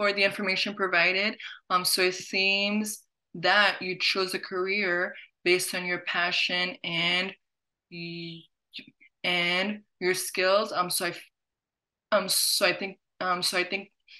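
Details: Adult who stutters, hosting a webinar on careers; word and phrase repetitions are audible; stuttering.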